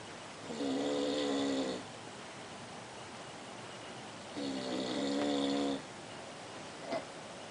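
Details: Snoring recorded at a 2008 class reunion: two long, buzzing, steady, tonal snores about four seconds apart over quiet room noise.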